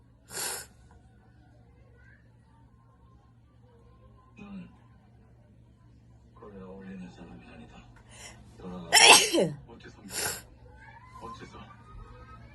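Three loud, explosive sneezes, one early and two close together later, with brief talk between them in a quiet room.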